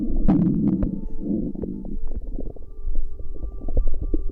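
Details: Stomach noises recorded against a pregnant woman's belly: a rumbling gurgle followed by scattered soft pops and bubbling; ordinary bowel sounds.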